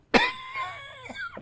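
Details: Adult man gives one sharp, explosive cough followed by a trailing voiced sound in a small room.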